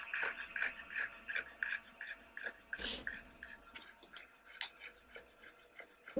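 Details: Brachycephalic dog after exercise, not heard at rest: fast panting breaths with a noisy, narrowed-airway sound; grade 2 brachycephalic obstructive airway syndrome (BOAS) noise.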